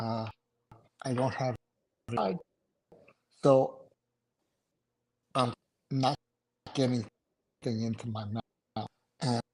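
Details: Adult male survivor of two strokes in November 2017, including a hemorrhagic stroke; right-sided weakness, unusable numb right hand, short-term memory problems, 10 seizures since stroke; finding: aphasia.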